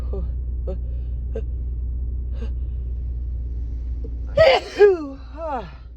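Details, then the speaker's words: Adult female catching a cold, symptoms only in the nose with a persistent tickle and no cough or sore throat: quick gasping in-breaths, then a loud explosive sneeze, in tickly bouts with three-to-four-second pauses. "it's like I get sort of a three or four second pause before it tickles again they're not like allergies to a bit more teasing"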